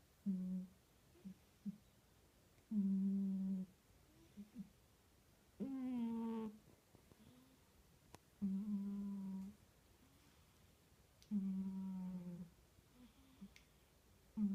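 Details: Female cat asleep on a suitcase: soft humming snores about 21 per minute with each breath in, quiet room.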